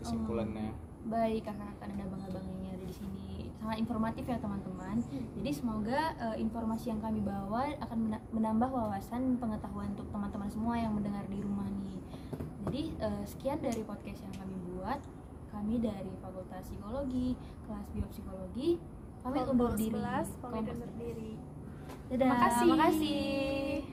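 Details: Adult female speaker; normal speech.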